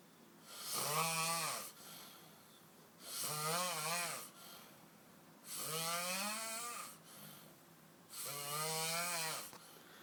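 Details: Adult man snoring heavily: four loud, rough, rattling snores on breathing in, about every two and a half seconds, with softer breaths out between them.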